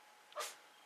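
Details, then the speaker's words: Pet Mimi, who vomited earlier, sneezes: a single brief, sharp hissing burst from a small pet. "Donc là pardon, je surveille Mimi parce que elle éternue. Ça va ma Mimi? Bon, elle a vomi tout à l'heure alors."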